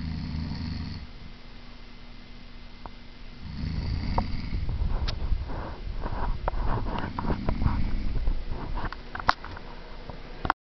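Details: Adult woman (mother) snoring during sleep: low, rough rumbling breaths with room noise and clicks; said to be quieter than her usual snoring.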